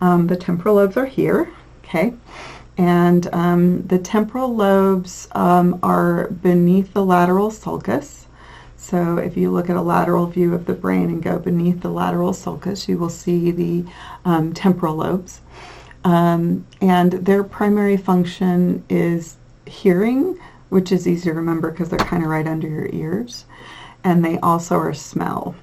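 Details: Adult lecturer; normal speech.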